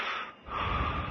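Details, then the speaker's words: Simulated obstructive sleep apnea: a brief quiet pause, then a loud snorting gasp as breathing abruptly resumes on arousal, which the sleeper usually does not remember. "so your body may move to another position in the bed but you will probably not remember waking up even if arousal z' occur hundreds of times each night"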